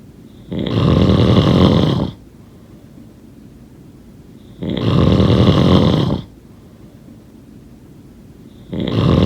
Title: Snoring sound…